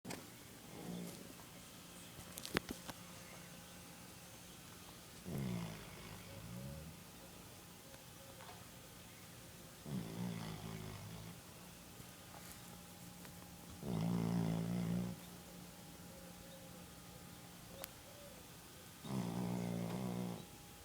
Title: Dog (snoring)